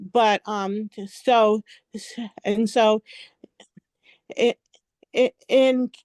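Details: Adult woman speaking; stuttering.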